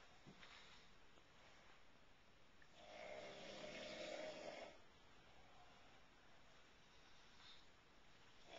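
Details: Snoring: a man recorded snoring at night while asleep; he is advised to sleep on his side.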